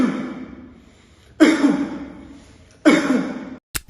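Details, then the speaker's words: Patient with laryngitis and pharyngitis takes a deep breath, then gives loud, abrupt, booming coughs, each standing alone, an involuntary attempt to clear the airways. Laryngitis/pharyngitis cough. "in laringitis and faringitis inflammation of the Lings and fings lead to this characteristic cough the deep breath is an involuntary attempt to clear the Airways results in that loud single cough"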